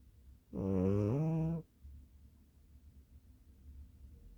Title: 😴😺 猫がいびきをかく cat snoring 고양이가 코를 골다😍